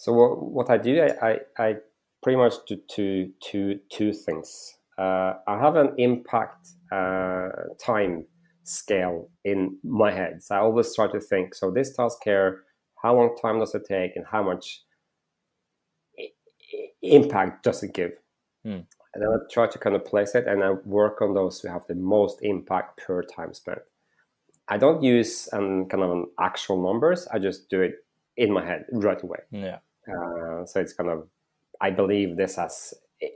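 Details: Adult male with real stuttering that he says is audible in this interview, and which was heavy in school when raising his hand in class; stuttering.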